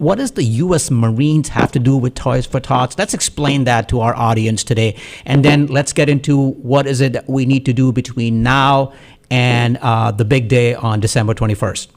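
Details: Adult male speaker; normal voice.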